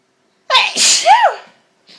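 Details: Irritant sneeze after smashing a pepper pot and inhaling ground pepper while clearing it up: one forceful sneeze with a sharp inhaled catch, then an explosive voiced burst.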